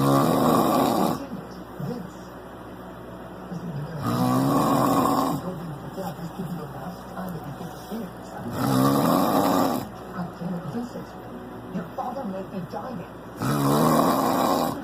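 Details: Adult snoring while falling asleep after getting drunk: heavy, loud, rattling snores about every four to five seconds, roughly 13 breaths a minute, with softer noisy breathing between.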